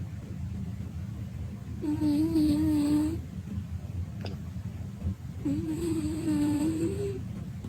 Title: When Your Cat's Snoring is Louder Than Your TV... LOL